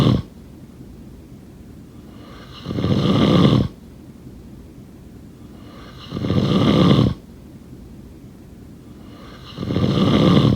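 Three harsh, rattling snores at regular intervals, about 17 breaths a minute, over steady background hiss; ongoing snoring in sleep.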